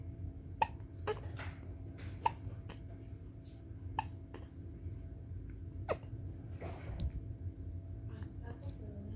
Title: 신생아 딸꾹질 a newborn baby's hiccup is really cute OMG!!!